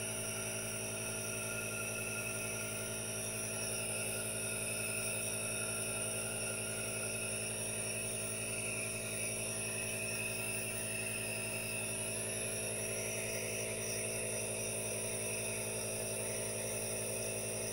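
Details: Aerosol nebulizer running during relaxation with hand movements: steady mechanical hum and hiss, continuous with no breaks or voices.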